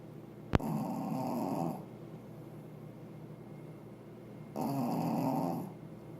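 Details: Rattling snores on the in-breath, about three seconds apart, from a sleeping Pekingese dog in a quiet room; snoring.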